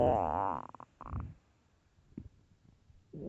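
Loud gurgling, squeaky stomach growl followed by shorter rumbles and gurgles; normal hunger bowel sounds from an empty stomach.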